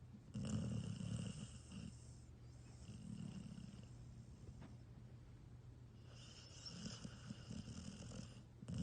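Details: Soft, rough rumbling breaths rising and falling in a quiet room; snoring from a sleeping animal.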